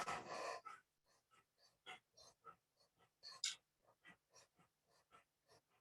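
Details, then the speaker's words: Breathing of a dog after laryngeal tieback surgery for laryngeal paralysis: rapid, fairly soft panting, not perfect but much quieter than before surgery. "So again, he's not perfect, but he just looks so happy, and his breathing is way quieter than it was before."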